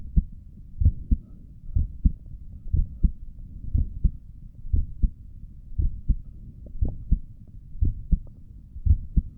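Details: Own heartbeat via stethoscope while sitting at a desk, visible neck pulse: steady low lub-dub at about 60 beats a minute, normal resting rhythm.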